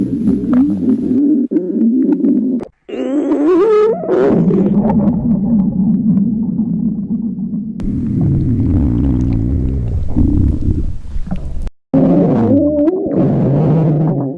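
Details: Stomach growling (borborygmi) recorded in a quiet room from a girl after 24 hours of fasting: long, low rumbling and gurgling with rising, squeaky tones, normal hunger growling.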